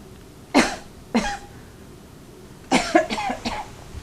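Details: Adult female patient asked by her nurse to cough during a bedside lung exam before discharge to rehab. She gives two single coughs, then a quick run of about four sharp bursts: an ordinary voluntary cough.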